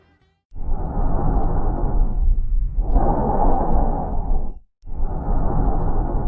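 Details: Tracheal breath sound, presented in a posterior and anterior chest physical-examination demonstration made by first-year nursing students.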